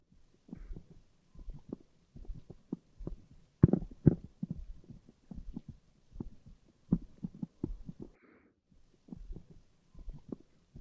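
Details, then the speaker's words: Simulated patient in a nursing VR tutorial, virtual stethoscope placed on chest collider: steady paired low thumps, roughly 75 beats a minute; simulated heart sounds. "Grab the stethoscope and place it on the patient's colliders to hear the patients heart, lung, and bowel sounds. I hear his heart."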